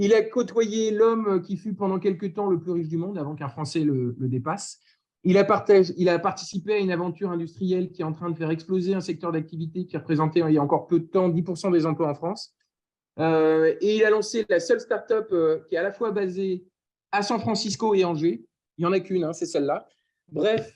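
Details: Adult male speaker; Normal speech.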